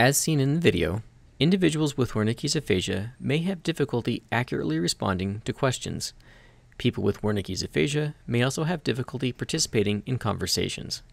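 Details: Adult male narrator; normal speech.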